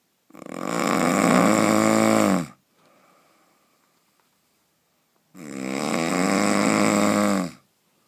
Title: The Most powerful snoring